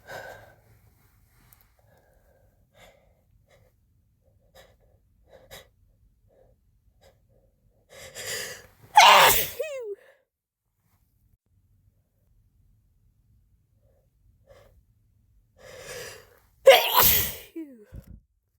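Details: Two harsh, forceful sneezes, each preceded by a sharp indrawn breath, with sniffs between. Induced on first use of chhinkni sneezing powder, helped by a rolled napkin in the nose; stifling was attempted: sneezing.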